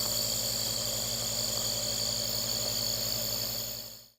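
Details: Child using a home nebulizer: steady, loud hissing and humming of the nebulizer compressor throughout, with rapid mechanical pulsing and no distinct breathing sounds; the nebulizer is operating normally.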